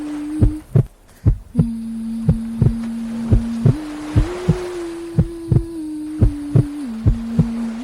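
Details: Heartbeat used as a sleep aid for a baby girl: soft, regular paired low thumps, about 80 a minute, under a steady hum and hiss of white noise.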